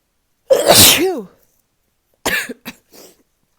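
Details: Morning sneezes on waking, possibly from being sick again: one loud explosive sneeze ending in a voiced tail, then a few smaller sniff-like bursts; sneezing.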